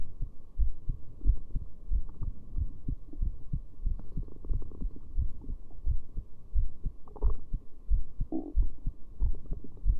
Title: Heartbeat with heart rate display